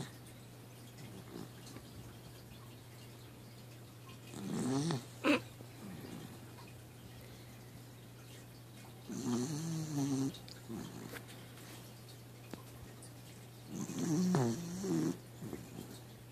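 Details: Sleeping weenie dog snoring while dreaming, tongue out: three long, rough, rattling snores about fifteen seconds apart, each on an in-breath, over a steady low room hum; ordinary snoring.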